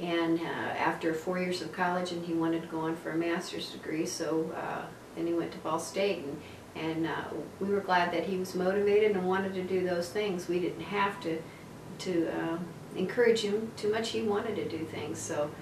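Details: Adult woman speaking; typical adult speech.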